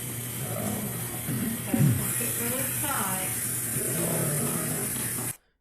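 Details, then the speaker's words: Slowed-down lung sounds from a patient lying on his side in respiratory distress, breathing with abdominal muscles, with a pronounced coarse snoring rattle on expiration: coarse crackles (rales) from fluid in the lungs, pulmonary edema. "And if we listen carefully, we can hear the fluid in the lungs, which is called rails. It was that snoring sound. I'm going to slow it down just a little bit. It's pretty pronounced in this patient."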